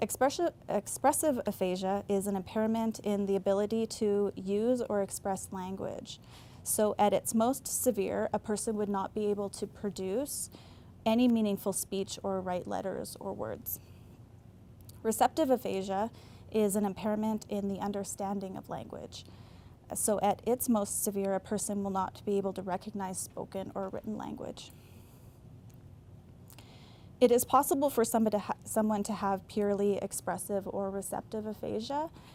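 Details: Adult woman speaking; normal speech.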